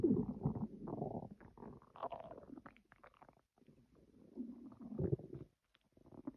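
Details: Quiet, irregular gurgles and squeaky rumbles in bursts with brief pauses: ordinary stomach growling, a normal bowel sound (borborygmi).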